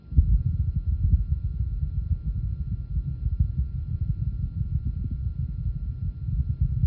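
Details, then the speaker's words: Auscultation over a pregnant woman's abdomen, demonstrated at a 1993 cardiac auscultation symposium: rapid, muffled, low-frequency thumping under a dense rumble. Normal healthy fetal heart sounds. "healthy over the abdomen again the rampant low frequency fetal heart sounds I heard"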